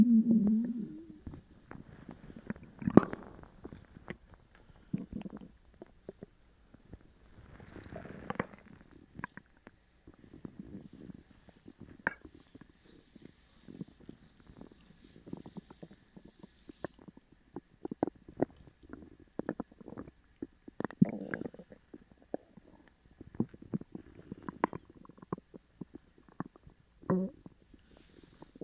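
Frequent gurgling, squeaking and rumbling gut noises in irregular bursts, consistent with loud borborygmi from an upset stomach.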